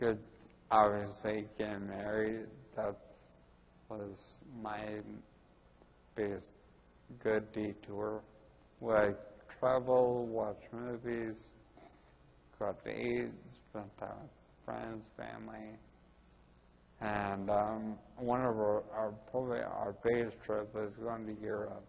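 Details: Ataxic dysarthria in a 41-year-old man with Friedreich's ataxia, which also causes his balance problems and walking difficulty.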